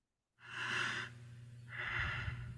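One soft, even breath, a smooth breath in followed by a smooth breath out, with a faint low hum behind: normal breathing (eupnea).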